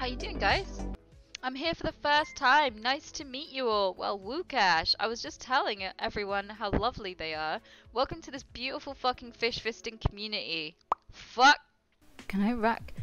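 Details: Live-streaming woman who says she has Tourette syndrome, also reporting motor tics: involuntary vocal tics, interjected obscene or nonsensical words and phrases, some bleeped.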